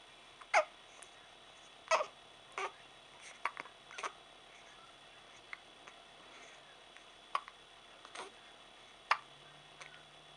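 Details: Hiccups: short, sharp hiccup sounds repeating at irregular intervals in a quiet room, about seven to eight in ten seconds.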